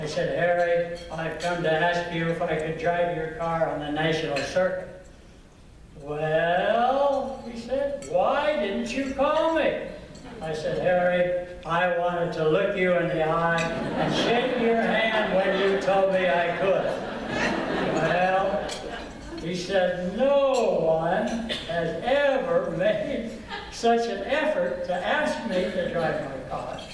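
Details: Adult man with stuttering present since at least third grade.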